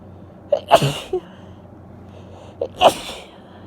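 Two sneezes, each a quick intake followed by a wet, explosive burst; sneezing.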